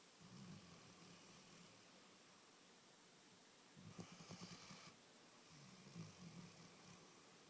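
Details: A pet snuggled against its owner, asleep in a quiet room, gives soft, low, rumbling breaths recurring in slow cycles; gentle snoring.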